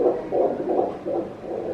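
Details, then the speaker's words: Fetal heartbeat at 16 weeks of pregnancy heard on ultrasound Doppler at a prenatal scan; rapid, regular whooshing pulses at 155 beats per minute, within the stated normal 120–160 range: normal fetal heartbeat. "Alright, but the heart rate should be between 120 and 160 beats per minute. Today, 155 beats per minute."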